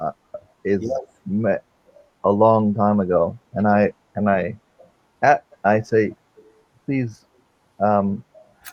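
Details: Adult man with aphasia since a stroke during heart valve surgery in 2007, at first limited to single words, now non-fluent with repetitions and filler words; non-fluent aphasia.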